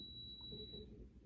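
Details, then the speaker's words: Infant feeding pump alarm: a steady high-pitched electronic tone signalling something blocking the feeding tube or something else needing attention. "If you can hear that noise, that's the feeding pump alarm."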